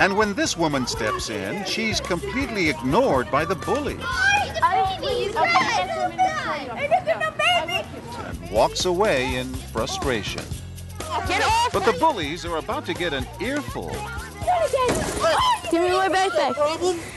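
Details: Adult male narrator; normal speech.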